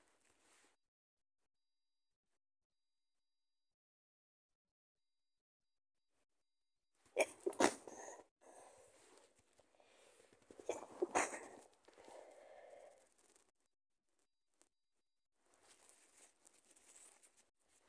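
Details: Strong stifled sneezing: a few muffled, held-back sneezes with short bursts of air in a quiet room.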